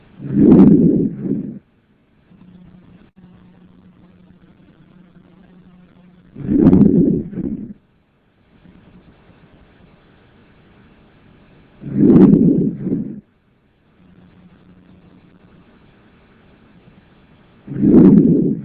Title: Ausculta Pulmonar